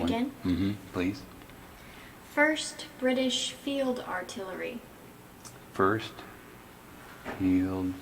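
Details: Logopenic variant primary progressive aphasia, an Alzheimer's disease phenotype, in a man describing a picnic scene, with word-retrieval and repetition problems, paraphasic and phonologic errors in spontaneous speech; signs are subtle.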